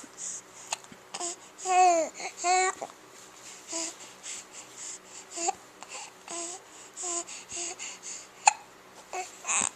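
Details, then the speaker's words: Baby babbling and cooing, broken by short abrupt catches of breath fitting hiccups, quiet room; infant hiccups. "Can you make some more noise? Are you getting upset with your hiccups?"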